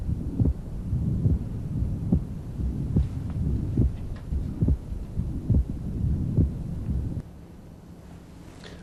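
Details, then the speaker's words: Paradoxical splitting of the second heart sound. "one of the more common places that I see it is these little old ladies with severe systolic hypertension and that's paradoxical splitting"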